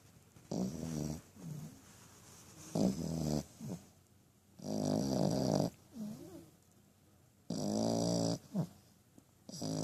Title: French Bulldog Puppy Snoring